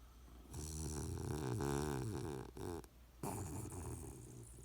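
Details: Sleeping Puggle puppy snoring: loud rattling, buzzy snore through the nose and throat, with a brief pause before the next noisy breath.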